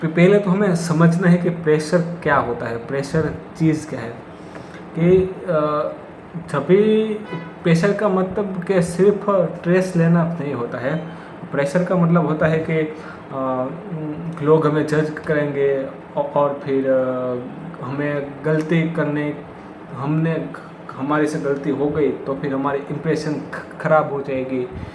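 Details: Stuttering, likely in the male speaker himself; his own stammering is implied but not explicitly stated.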